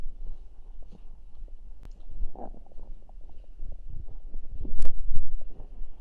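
Low gurgling and rumbling bursts from the belly, ordinary stomach growling.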